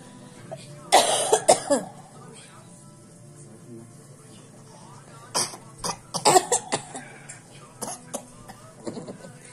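A few short, dry, forced coughs and throat-clearing sounds from a child, imitated rather than a real cough, with some talk and music around them.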